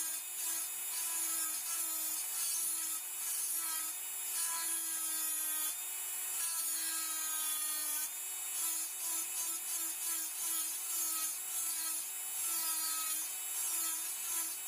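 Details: Dental high-speed handpiece cutting mesial planar reduction of the mesiobuccal cusp while preparing a typodont mandibular first molar (tooth 36) for a full veneer crown: steady high-pitched whine dipping slightly as the bur cuts.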